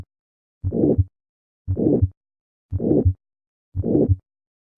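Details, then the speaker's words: Aortic stenosis murmur heard first at the second right intercostal space, then at the cardiac apex, where it has a higher pitch but keeps its diamond shape: the Gallavardin phenomenon. "the murmur of aortic stenosis will on occasion be audible at the cardiac apex with a change in pitch the gala Vardhan phenomenon despite this increase in pitch this murmur retains his characteristic diamond shape listen to this murmur first at the second right intercostal space and now at the apex"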